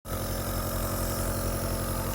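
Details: Nebulizer compressor running normally, a steady low mechanical hum with fast rhythmic buzz, as a 2-year-old child gets nebulized treatment for a persistent cough.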